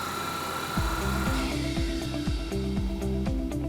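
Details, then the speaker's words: Storz MASTERPULS Ultra MP200 radial shockwave therapy machine switched on at its rear power switch: low hum, then repeated falling and rising mechanical tones as it powers up and sets itself up. "now in the back of the machine you'll turn the power on it goes from the zero to the one setting and that means that your power will be on and you can hear it setting up"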